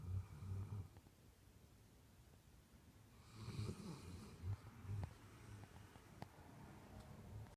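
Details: A sleeping dog gives soft, low, rumbling snores in uneven bouts against quiet room noise; snoring.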